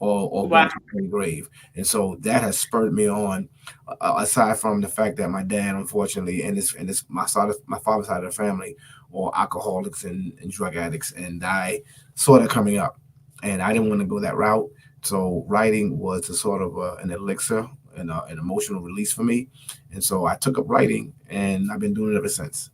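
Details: Stuttering in an adult man who reports a stuttering problem that is still present.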